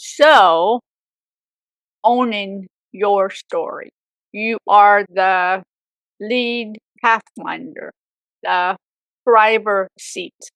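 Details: Woman with aphasia for 18 years after a severe stroke at age 44, also left with apraxia; aphasia.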